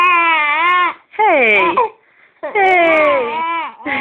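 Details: Baby with hiccups crying loudly in long, sustained wailing bursts with brief pauses for breath while an adult soothes him; infant cry.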